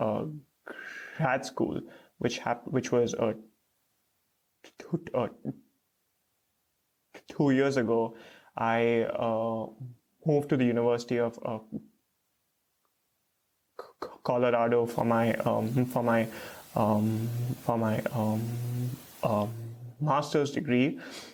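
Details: Stuttering with blocks and repeated fillers in an adult man, a PhD student in speech therapy, stuttering since age 3 to 3.5; his parents are unsure whether onset was linked to a childhood fright.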